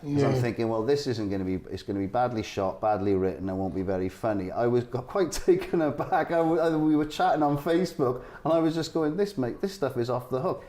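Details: Adult male speaker; Typical speech.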